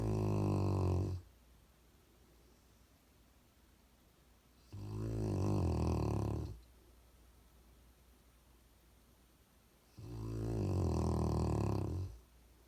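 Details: Snoring, recorded 11/6/2018: three long, loud, rattling snores about five seconds apart, roughly 12 breaths a minute, with quiet exhalations between.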